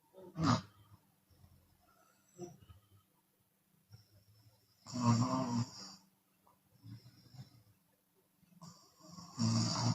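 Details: Chinese woman snoring with open mouth, sometimes on exhalation: irregular loud rattling snores with quieter breathy breaths between, roughly 13 a minute; snoring.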